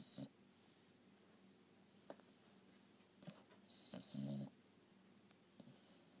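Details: English bulldog snoring during a nap: irregular low rattling snores and snorts, with one louder drawn-out snore.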